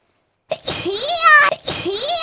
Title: ARK sneeze